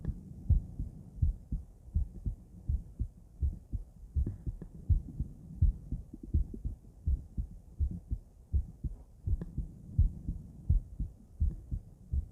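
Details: Female heart auscultated with several different stethoscopes via microphone, moving Erb's point, mitral, tricuspid, aortic, then pulmonic; steady lub-dub about 80/min with clean crisp beats, no added sounds; normal heart sounds.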